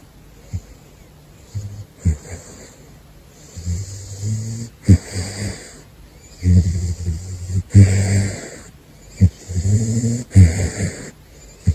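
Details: Gosha, a sleeping caracal, snoring: deep, rumbling, uneven breathing with snorts, roughly 23 a minute.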